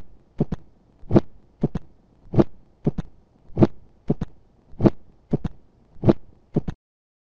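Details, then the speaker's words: Mitral stenosis auscultation, apex, about 49/min: crescendo late-diastolic (presystolic) murmur ending in a loud snapping first heart sound, then second sound and mitral opening snap; teaching demonstration of rheumatic mitral stenosis. "сначала вы услышите нарастающей в конце диастолы шум который завершается усиленным хлопающему первым тоном затем следует второй тон и щелчок митрального клапана"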